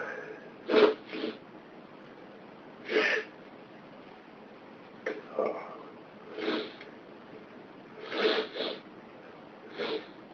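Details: Repeated sneezing: a series of short, sharp sneezes, some in quick pairs, about nine bursts over ten seconds.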